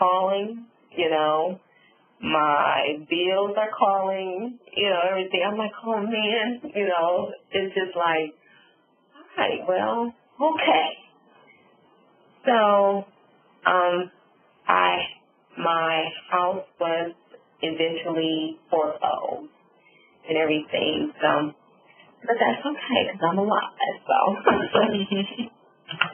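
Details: Adult woman, real stroke survivor, with aphasia and apraxia after a subarachnoid hemorrhage and stroke that left her semi-paralyzed on the right side; she reports word-finding difficulty; aphasia and apraxia of speech.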